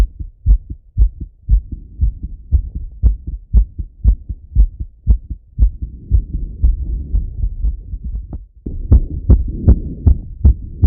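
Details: Strong, regular low heartbeats of a male, heard through a stethoscope on himself after each set of a workout, with some rubbing noise; normal heart sounds after exercise.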